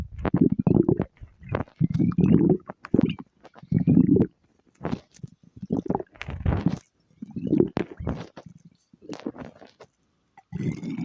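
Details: Repeated low gurgling growls in uneven bursts with short gaps; ordinary stomach growling.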